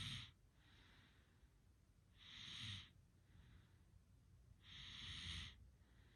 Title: Oddly satisfying Snoring sounds enjoy